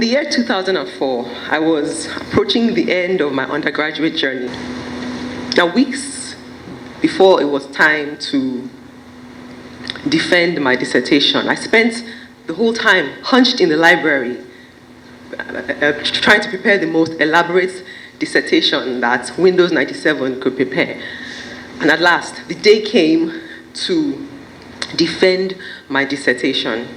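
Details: Adult woman who stammers giving a speech at a stammering awareness event; her stammering worsens when she is nervous; finding: stuttering.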